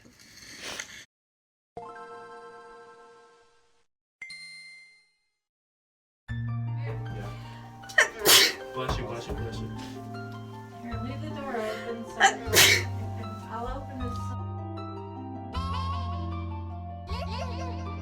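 Two sharp sneeze bursts over music and chimes, with a burst near the start. Repeated sneezing.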